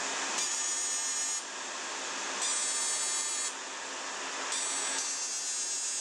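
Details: Steady cooling-air hiss with rapid buzzing laser pulses every second or so as an ablative fractional CO2 laser (DeepFX handpiece, Lumenis) resurfaces a dark-skinned (type IV) patient with acne scars, at reduced energy.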